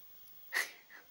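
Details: Voiceless meow (aphonia) in a female cat that intermittently meows with no voice at all; owner suspects tiredness.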